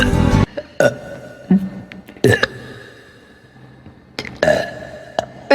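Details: Several loud, low, rumbling burps separated by short pauses, with music and voices in the background; a burp compilation, reportedly while drunk.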